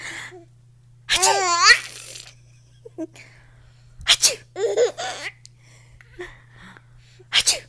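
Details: Infant boy laughing at sneezing sounds: sharp sneeze-like bursts running into giggly, squealing laughter in short fits, a laugh that sounds like sneezing.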